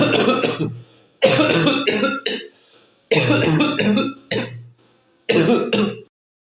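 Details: Repeated coughing picked up from ambient sound by a real-time AI cough detector: four clusters of loud, forceful coughs, two or three bursts each, over about six seconds.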